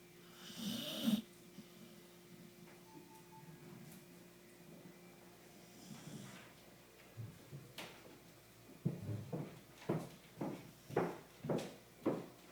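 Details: Soft, regular snoring breaths in the second half, after a few quiet rustles; an ordinary sleeping snore.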